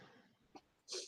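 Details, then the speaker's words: Single short, breathy cough from an adult who has been unwell, preceded by a faint click, over quiet room noise. "Okay. Where, as you can hear my cough, I've not been well, Petal has not been well, so we're behind on getting the school."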